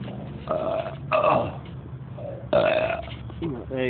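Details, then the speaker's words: Adult drinking beer while waiting, apparently in a vehicle: two or three deep, drawn-out burps over a rumbling background; burping. "go there some burps tasty all right Aloha people"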